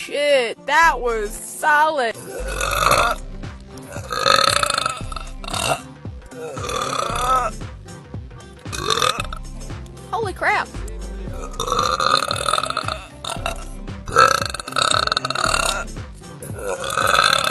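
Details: Girl burping from a compilation: a series of loud, drawn-out voiced burps, some rising in pitch, over background music.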